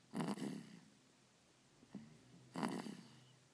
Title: snoring